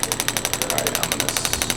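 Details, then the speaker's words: Radial shockwave therapy on the left knee of a swimmer and triathlete with knee pain: a sample pulse before intensity is raised, rapid regular clicking about ten per second; described as a strong buzzing sensation, occasionally like a rubber-band snap. "if you ever been snapped with the rubber band oh sure ideally it shouldn't feel like that occasionally it will but um for the most part it should be like a pretty strong buding sensation give you a little sample here"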